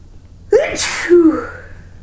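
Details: Person with a tickling nose, runny nose and eyes, and a sore throat from repeated sneezing: a single loud sneeze with a voiced lead-in and a burst of air, then a short trailing vocal sound; sneeze.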